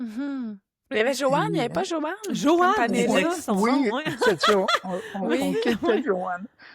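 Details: Adult woman who stutters, who first met other people who stutter at age 32 or 33; stuttering.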